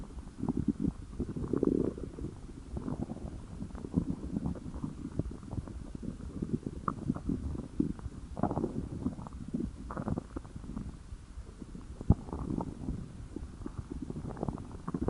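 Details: Stomach growling from hunger: low, rolling gurgles and rumbles coming and going without pause; normal bowel sounds (borborygmi).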